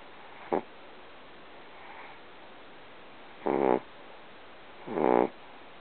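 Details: Pet dog sleeping with a habitually loud, weird snore: three loud, rough, rattling snoring breaths spaced a few seconds apart in a quiet room.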